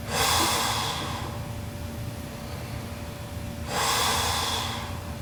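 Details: Sleeping Japanese girl, super loud snoring: two loud harsh hissing snorts about three and a half seconds apart over a steady background hum.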